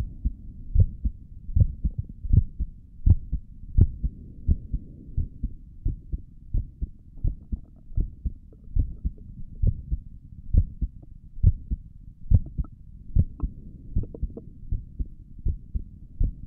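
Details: A person's own resting heartbeat recorded through a stethoscope on the chest for relaxation: steady, regular low double thumps at about 75 beats a minute with a faint hum behind; normal heart sounds.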